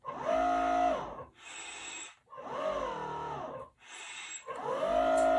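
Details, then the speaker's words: Mask CPAP at 5 cm H2O delivered by a Zoll Z Vent transport ventilator in a demonstration: loud cycling airflow with a tonal hiss on each pressurized breath and quieter rushing between breaths. "i just went to cpap i can just hook it up right here and cpap at five centimeters of water pressure"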